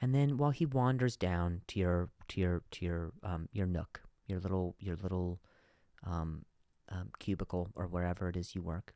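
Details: Podcast host who stutters, with word repetitions audible in his speech; stuttering.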